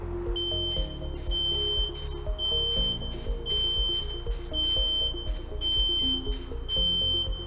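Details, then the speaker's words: Repeated high beeps about once a second: activation tone of a DKU-100 RKh monopolar radiofrequency electrosurgical unit operated by foot pedal in cutting-with-coagulation mode, over background music. "піднести інструмент до місця процедури і натиснути педаль пролунає звуковий сигнал"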